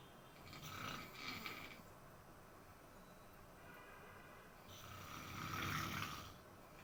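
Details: Father snoring: two loud, rough, rattling snores, each on an in-breath, with a quiet pause between; ordinary snoring.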